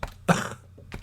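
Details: A single harsh, fairly low adult cough burst, with a faint second sound just after, from a man who says he is unwell with chest wheezing: cough.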